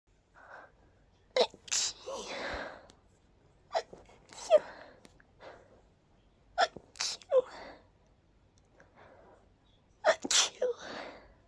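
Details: Person sneezing four times, deliberately ending each sneeze with "choo": each a quick intake of breath then a sharp, forced "achoo" burst, in a quiet room.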